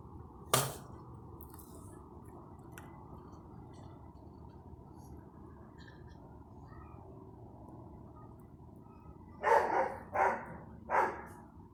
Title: me coughing